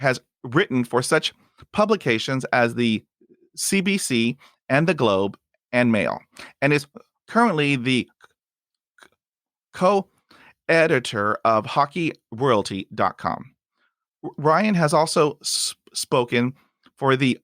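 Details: Adult man with stuttering since about age 5 or 6, treated with speech therapy from age 5 to 18, speaking in real conversation; stuttering.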